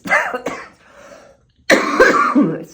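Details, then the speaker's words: Adult with stage 4 metastatic cancer and a current respiratory infection, with clear lungs on X-ray: two rough, forceful coughs with a harsh throaty rasp. "you're going to hear very soon I uh have caught a um respiratory infection uh and it sounds"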